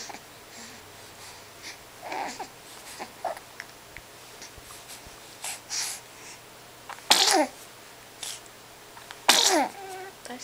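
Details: Two-month-old baby sneezing while playing: two sharp, explosive sneeze bursts against soft babbling and quiet room noise; sneezing.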